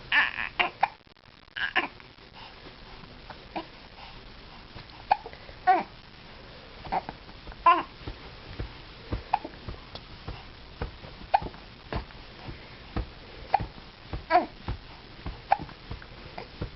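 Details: Boy with hiccups that make him unhappy: roughly twenty short, sharp catches in the breath at irregular intervals over seventeen seconds.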